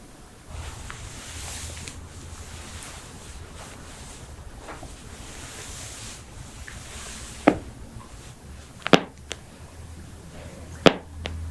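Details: Quiet room noise, then three sharp, brief pops during an adjustment, in a head-to-toe compilation (knuckles, necks, backs, toes, ankles, hips, wrists, jaws); joint cracking (cavitation).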